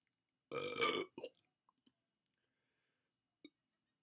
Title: Me Burping - Preview